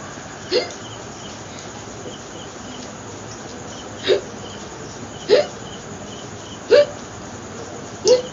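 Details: Five short, sharp hiccups at irregular intervals over about eight seconds, with steady background noise; a long bout of hiccups.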